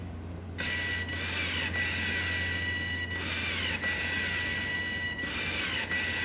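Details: Home-built non-invasive ventilator running without a mask attached: steady motor hum and airflow hiss rising and falling in cycles about every two seconds; extension-tube sound stops once the mask is on a patient.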